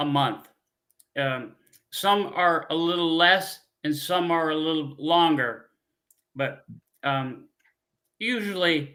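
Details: Man, a former pilot, with aphasia from a stroke 15 years ago; he cannot read or write; speech with frequent fillers, pauses and word-finding difficulty; aphasia after stroke.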